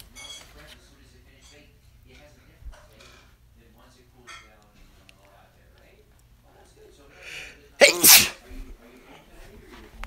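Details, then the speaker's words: Person announces needing to sneeze; quiet room, faint indrawn breath, then one loud, explosive sneeze; single ordinary sneeze. "I gotta sneeze."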